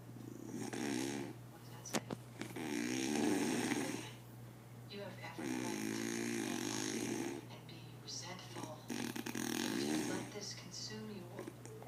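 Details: Snoring from the uploader's father.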